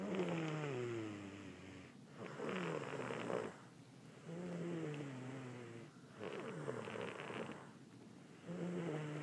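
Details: Lucy, who is sick, snoring at a hotel: rough, rattling snores on each breath, about 14 breaths a minute, with a pitched whistling tone on the out-breath; snoring.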